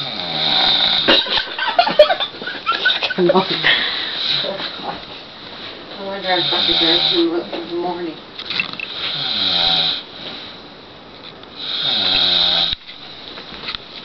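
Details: Adult man (a dad who doesn't believe he snores) recorded asleep: loud, harsh, buzzing snores with fluttering vibration on long breaths, a few seconds each; heavy snoring.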